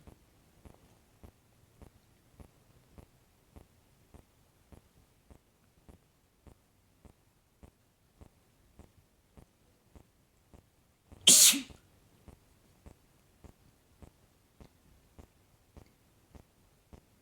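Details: Adult man's single loud sharp sneeze in a quiet room with soft steady ticking in background.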